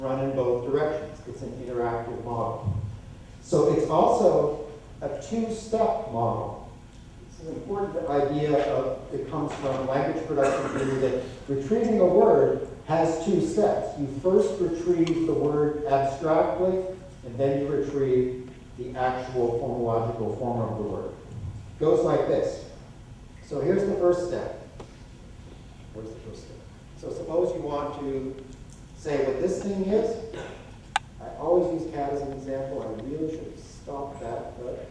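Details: Adult male lecturer; typical speech.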